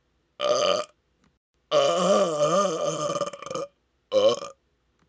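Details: Deliberate loud burping measured with a decibel meter in a loudest-burp record attempt: three loud, drawn-out voiced belches, the middle one about two seconds, in a quiet room.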